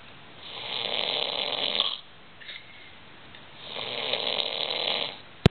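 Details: Man snoring after a big night: two long, loud, rough snores with a short quiet pause between them; typical snoring.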